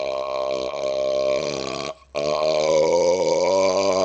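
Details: Repeated burping outdoors on a second-floor porch during a cold snowstorm: two long, loud, drawn-out voiced belches with a brief pause between them.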